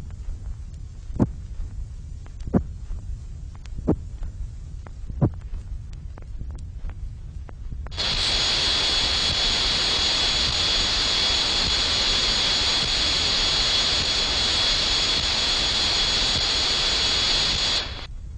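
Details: Simulated tinnitus made with an electronic music synthesizer (1970s demonstration record, RNID London research), representing what patients with moderate to very loud tinnitus hear continually inside the head; tinnitus simulation.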